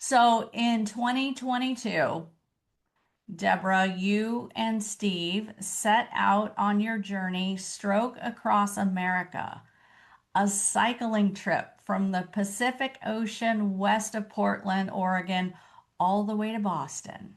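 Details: Adult woman speaking; normal fluent speech.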